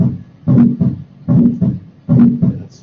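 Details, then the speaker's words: Heavy, low paired heart thumps at about 75 a minute, played in a classroom cardiac cycle lesson as the heart sounds of dilated cardiomyopathy. "and then it starts getting bigger and dilating right until it gets to the point of no return dilated cardiomyopathy well let's hear what happens"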